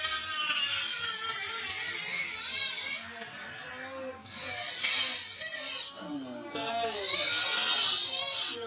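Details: Repeated high, shrill squealing cries in long bouts with brief pauses from a baby monkey left without milk a long time; hungry distress crying.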